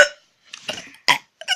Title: #2 burping comp